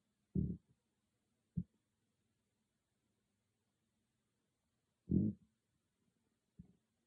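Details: Loud stomach growling recorded on an iPhone microphone, not an ASMR mic: four short, low gurgling growls separated by silence; ordinary borborygmi, a normal bowel sound.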